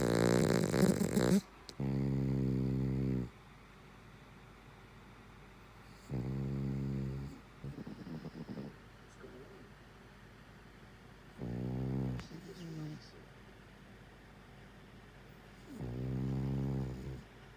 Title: Bear snoring 😂